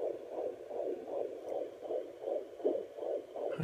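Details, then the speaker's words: Fast, regular whooshing beats of a strong fetal heartbeat, about 130 a minute, heard on a home Doppler by the pregnant mother after two weeks without listening, louder than before; normal fetal heartbeat. "Yeah, so I figured that'd be nice to listen to his heartbeat since I hadn't listened to it for 2 weeks, and it was so much stronger."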